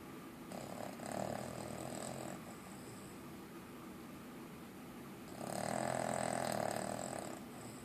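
Two loud, rattling snores on breathing in, about five seconds apart (roughly 12 breaths a minute), over steady room noise: snoring.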